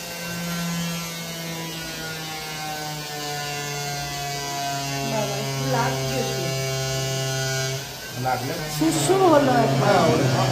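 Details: Steady buzzing motor hum of a cast saw cutting plaster, pitch dropping under load, with brief voices at the end, removing a cast after six weeks; cast saw cutting plaster.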